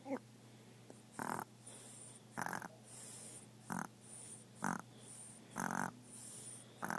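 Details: Snoring during sleep.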